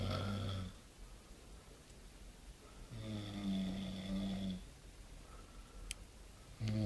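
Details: Snoring: loud, rough, low-pitched snores on the in-breath with quiet gaps between, about 19 a minute.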